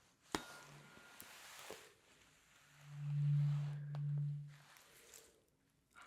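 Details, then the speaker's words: Simulated ASMR cranial nerve exam, Weber hearing test: a struck tuning fork gives a soft, steady, low hum that swells and fades while the listener says whether it sounds in the middle, left or right. "I'm going to ring the tuning fork, and you let me know if you can hear it in the middle, in the left, or in the right, okay?"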